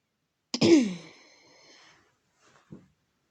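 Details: A single harsh cough burst with a trailing rasp, then a faint short sound, in a quiet room: cough.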